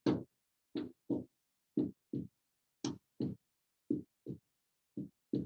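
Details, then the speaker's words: Normal human heartbeat: steady paired lub-dub sounds from the valves closing, regular at about 58 beats a minute. "and what we're hearing is these two vowels closing and these two vowels closing boom boom boom boom and you're getting squeeze squeeze squeeze squeeze okay that's the human heartbeat"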